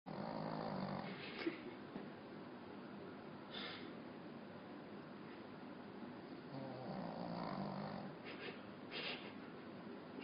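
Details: Deep, loud snoring on slow breaths with a nasal rasp from a small Pekingese dog, much heavier than expected for its size, described as snoring like a human; snoring.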